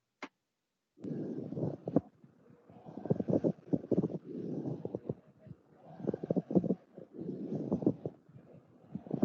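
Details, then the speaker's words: Pleural friction rub on lung auscultation, a teaching example: coarse, grating, leathery creaks repeating with each breath, like leather rubbing on leather, from pleural layers rubbing together. "un ruido como si nosotros expresáramos el cuero con el cuero"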